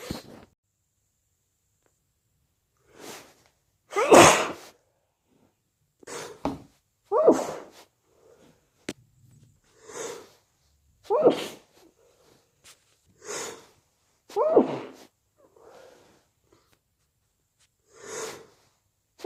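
About eleven wet, spluttering sneezes spaced a few seconds apart, with quiet breaths between them.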